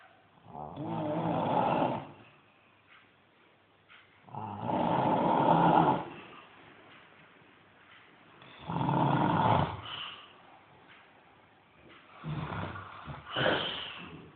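Loud rattling snores on each breath in, about 16 a minute, with quiet pauses between: snoring.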